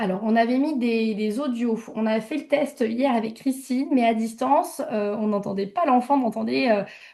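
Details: Adult woman speaking French; typical adult speech.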